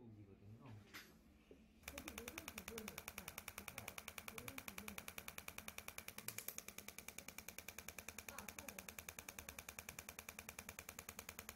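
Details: Extracorporeal shockwave therapy device firing rapid, regular, sharp clicking pulses, about three per second, during treatment of the biceps femoris (hamstring) muscle chain in a patient with buttock and leg pain; brief voices before it starts.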